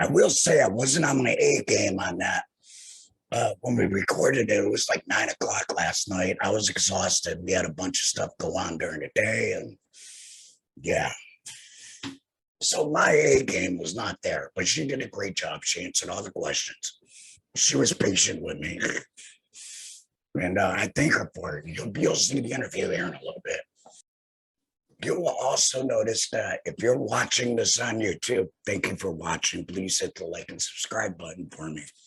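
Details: Laryngectomee speaking with a tracheoesophageal voice prosthesis (TEP); tracheoesophageal speech after laryngectomy.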